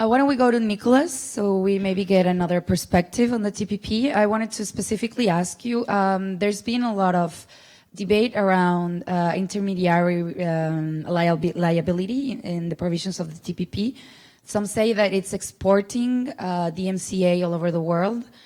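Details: Adult woman speaking; normal voice.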